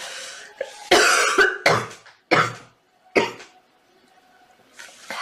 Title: Girl Coughing 319